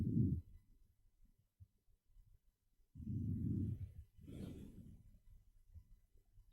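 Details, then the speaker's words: COVID-19 patient, stethoscope over the left lung: soft, low, normal-sounding breath sounds without crackles or wheeze, although ultrasound showed a B line with consolidation at the same spot. "So this is a COVID-19 patient. You can hear the right lung. So that was completely normal."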